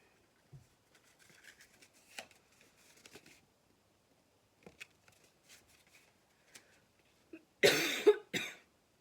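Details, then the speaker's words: Adult woman, snuffy for the last few days, gives two sharp, short coughs with no rattle after quiet handling sounds; she calls it an annoying dry cough. "It's one of those annoying dry coughs. I'm just going to have to fight it cuz the more I cough, the more I walk off."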